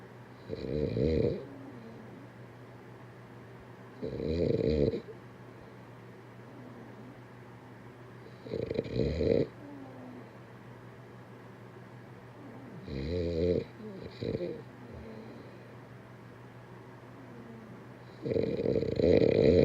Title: 2minutes snoring 😴